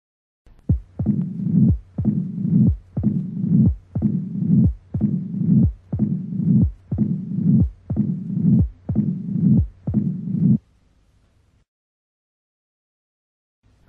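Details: Diastolic murmur of mitral stenosis.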